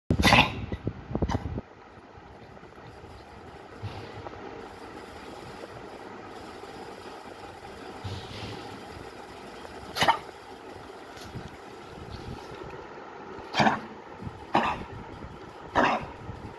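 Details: A pug with kennel cough: short, harsh cough bursts from a small dog.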